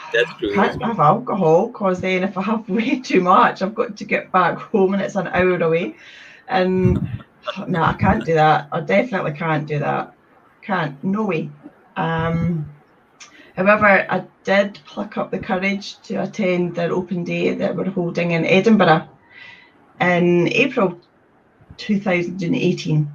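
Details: Stuttering (stammer) with blocks in an adult woman from Scotland who has stammered since age three.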